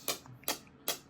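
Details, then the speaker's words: Man's first shockwave therapy treatment, tried as an alternative before surgery: three sharp, evenly spaced clicks, about two per second, in a quiet room. Pulses from a shockwave therapy device. "we're going to try a few things to see if it'll work before surgery so today he got shotwave therapy"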